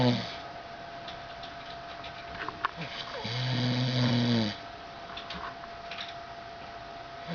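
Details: Adult man (the uploader's dad) snoring while asleep: a single long, droning snore on a breath in, between quieter breathing and faint room noise; ordinary snoring.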